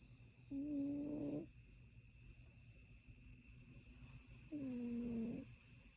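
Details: Cat snoring while asleep: two soft, whistling snores about four seconds apart, with steady insect chirring behind.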